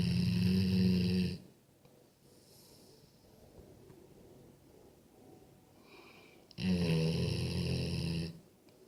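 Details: Sleeping Golden Retriever dog: two loud, low, rumbling snores on inhalation, separated by several seconds of quiet breathing; ordinary snoring.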